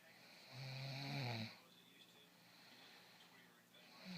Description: Feeling sick, sleeping, snoring, ignoring, scared.